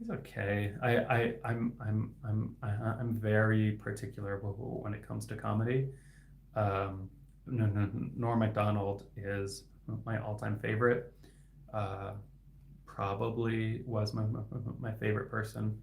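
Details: Stuttering in an adult man who stutters and is a licensed speech-language pathologist, with inconsistent sound and word repetitions and blocks.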